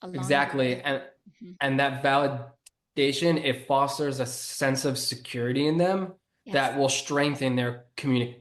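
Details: Adult who grew up with a stutter and was bullied for it, and has stuttered on his own name when presenting to a large audience; stuttering.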